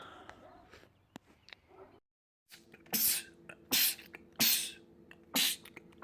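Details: Male sneezing compilation clip: quiet room sounds, a brief gap, then four sharp hissing sneezes in quick succession, a rapid sneezing fit.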